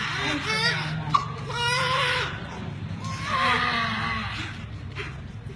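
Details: Real footage of a newborn resuscitated after birth at a rural health unit: two wavering, high-pitched newborn cries over background music and room noise as the baby cries after resuscitation.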